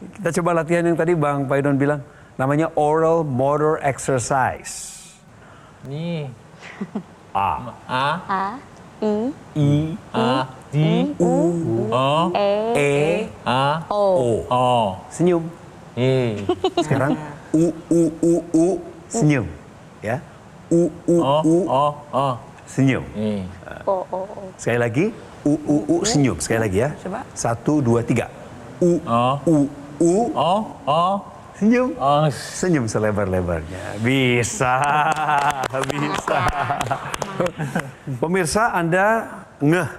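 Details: Adult male speaker; normal speech.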